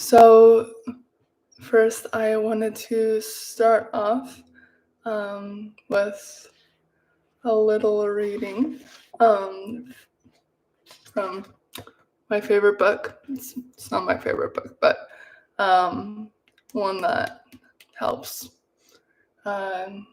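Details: Stuttering in a man talking about his own life with a stutter.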